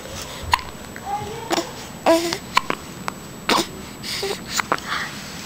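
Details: 4-week-old baby boy with hiccups: several brief, sharp, high-pitched catches at irregular intervals against a noisy room.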